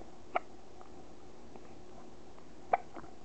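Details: Two brief, sharp hiccup sounds a little over two seconds apart in a quiet room, from a baby boy who gets hiccups almost every day; hiccups.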